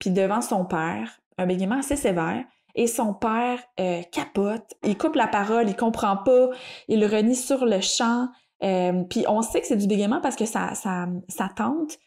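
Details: Stuttering in an adult woman who stutters and is a master's candidate in speech-language pathology, speaking in French.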